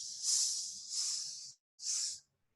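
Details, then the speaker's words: Vocal imitation of a mitral regurgitation pansystolic murmur in the mitral area radiating to the axilla: steady blowing hisses filling the whole of systole. "mitral area radiating to the axilla, pansystolic murmur."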